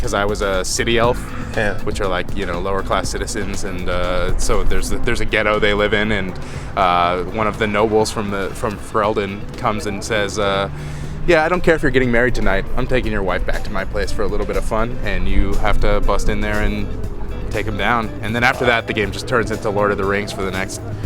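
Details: Adult male speakers, podcast-style conversation; ordinary conversational speech.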